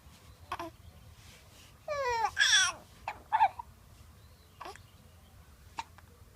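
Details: Infant hiccups: baby babbling and fussing, broken by several short, sharp catching sounds.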